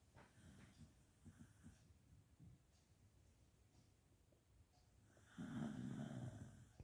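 Soft snuffling breaths, then a louder rattling snore near the end; snoring.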